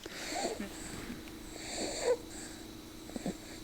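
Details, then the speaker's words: Noisy, congested breathing with faint high whistling in a sick baby with laboured breathing, propped at an angle on the couch because he won't sleep lying flat; wheezing. "And if you're not breathing right, like you're not going to sleep right. And I know that this guy's really tired."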